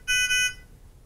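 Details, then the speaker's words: Short high-pitched double beep: Nonin PalmSAT 2500A handheld pulse oximeter alarm when oxygen saturation or pulse rate exceeds preset ranges; 3-beep signal repeats every 10 seconds, silenced two minutes via on/off button. "either of these occurs the oximeter will sound and a 3 beep - beep audible signal will repeat every 10 seconds"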